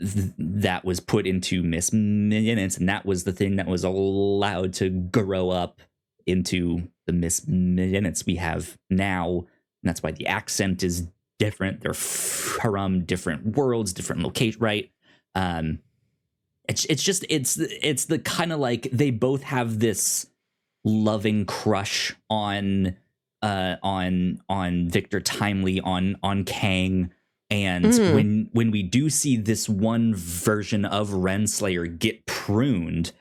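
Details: Male podcast host who says he has a speech impediment and stutters; stuttering.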